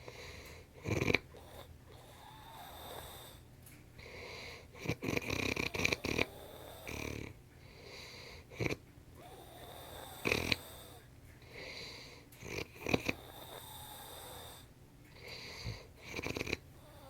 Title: Demonic snoring